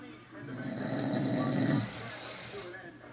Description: my grandfather moved back to mass and is living with me for now and his snore is so funny